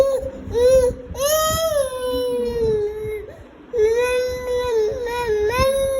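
Clear, high-pitched whimpering cry from a baby in short, rising and falling wails.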